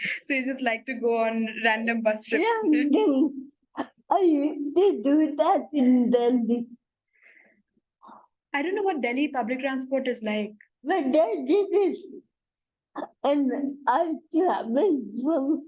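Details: Adult woman, conversational host; normal speech.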